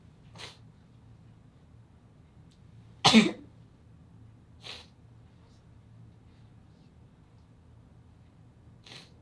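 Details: One sharp sneeze with a few soft snuffly puffs before and after, in a quiet room.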